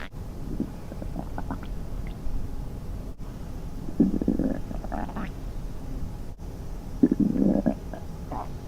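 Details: Low gurgling hunger stomach growls in bursts over steady background noise, presented as a girl in a swimsuit playing at the sea; an imagined, staged scenario.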